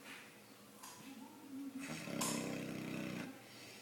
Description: Our 5 month old boxer Kaeli snoring.